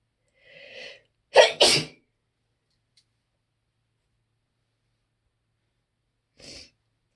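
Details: Loud, big sneezing fit: a drawn-in breath, then two explosive sneezes in quick succession, and a short sniff or sneeze burst several seconds later.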